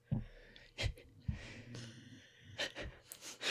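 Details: An old dog snoring while asleep: irregular low snorts and rattling breaths with soft breathing between them in a quiet room.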